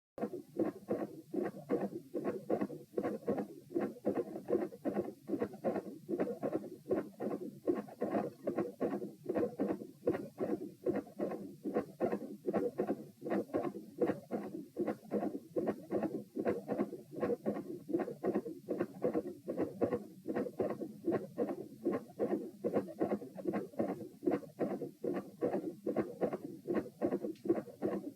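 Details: Heart sounds at standing position p, labeled with propranolol: regular rhythm about 76 beats a minute, with both S1 and S2 fixed split into doubled clicks.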